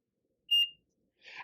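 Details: A single short high-pitched electronic beep from a PCA infusion pump loaded with a hydromorphone 0.2 mg/mL syringe on a standard PCA setting, as the key is pressed to start purging air from the line.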